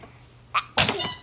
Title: Ahhh Chooo! Funniest Baby Sneezing - Funny Baby Videos